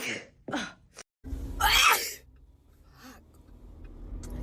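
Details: A young woman sneezing repeatedly: quick inhaled breaths, then one sharp, hissing sneeze burst, followed by a quiet breath.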